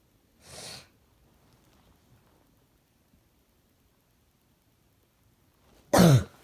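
Two separate coughs several seconds apart in a quiet room, the first soft, the second a louder, harsher burst.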